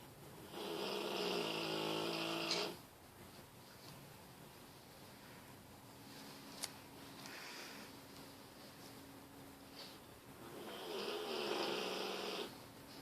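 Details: Bullmastiff dog snoring while asleep: two long, loud buzzing, rattling snores on the in-breath about ten seconds apart, quiet breathing between.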